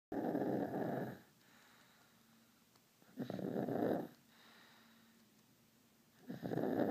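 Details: Sleeping 18-month-old baby who has snored since birth: three loud, rough snoring breaths at about 20 a minute with quiet pauses between them.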